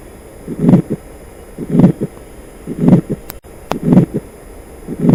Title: Heart Sounds:Atrial Septal Defect